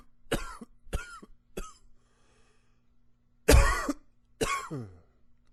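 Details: Five coughs from an adult: three short ones, a pause, then two louder, harsher coughs.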